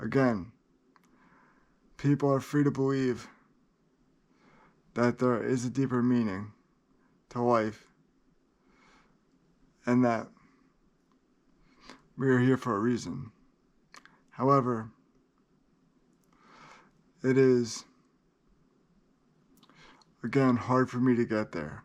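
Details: Adult man with cerebral palsy that he says places great limitations on him; dysarthria due to cerebral palsy.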